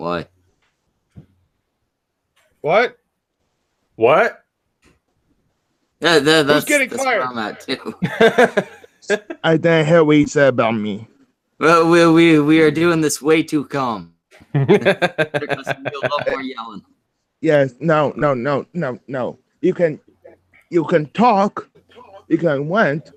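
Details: Adult man whose R and W sound the same, his major speech problem, reading an r-heavy tongue twister on a casual livestream; rhotacism (r/w substitution).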